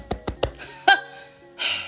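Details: Woman with Tourette syndrome, ticking during recording, with premonitory urges in tongue and throat before vocal tics and ongoing motor tics; an unworded gasp-like vocalisation mid-sentence; vocal tic.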